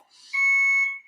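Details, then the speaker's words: IV infusion pump alarm at a son's hospital bedside at about 6 a.m.: a single shrill, steady electronic tone of about one second. It sounds whenever there is a problem with his medications, to alert the nurse. "with the meds or with anything to do with him we get this buzzer right and I guess it's supposed to alert the nurse right"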